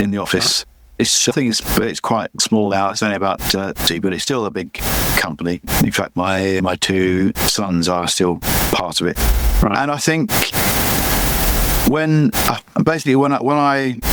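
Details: Adult man with chronic aphasia after a massive stroke about 11 years earlier; he still cannot read or write and says his speech is not great; aphasia.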